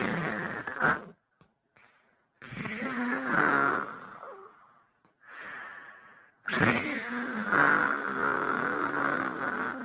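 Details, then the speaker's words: Woman snoring very loudly while asleep, likened to a Bullet motorbike or lorry engine running; snoring. "ಅಲ್ಲ ಯಾರು ಹಿಂಗೆ ಒಳ್ಳೆ bullet ಗಾಡಿ ಹೋದಂಗೆ ಗೊರಕೆ ಹೊಡಿತಾರೆ?"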